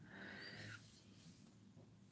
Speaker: And if you hear the snoring, it is my dog. He's snoring and snoring and snoring.